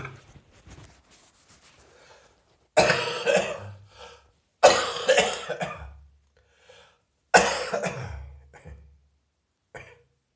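Three loud, harsh coughing bouts, each with several trailing coughs, from an adult with a chest cold.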